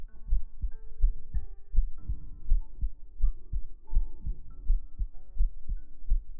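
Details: Heart sound played in a sleep-aid ASMR recording: regular soft low thumps at about 82 beats a minute under gentle humming tones; normal steady heartbeat.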